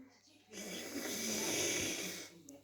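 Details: Young girl's nose suctioned by her father with an Otribebe nasal aspirator to clear it so she can breathe easily: a steady airy hiss lasting about two seconds.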